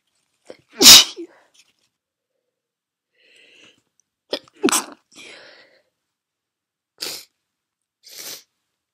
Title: Sneezes, Sniffles and Nose blowing (F)